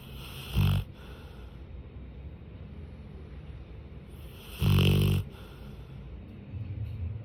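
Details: Pet dog snoring loudly while asleep: two deep, rumbling snore bursts about four seconds apart over background hiss.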